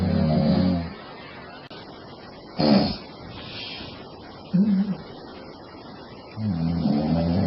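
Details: Loud, rough, rattling snores a few seconds apart with quieter breaths between, from a sleeping woman; heavy snoring.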